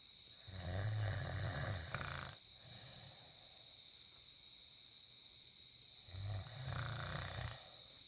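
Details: Man snoring heavily: two loud, rough, rattling snores on the in-breath about five seconds apart, steady high hum in background.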